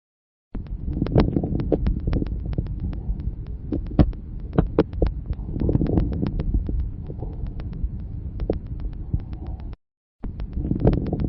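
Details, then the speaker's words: Stethoscope breath sounds with many short, explosive, low-pitched popping clicks clustered during breaths: coarse crackles. "Les râles crépitants sont des bruits courts et explosifs. On distingue selon leur hauteur les crépitants fins et les gros crépitants."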